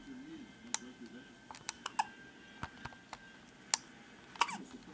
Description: has the hiccups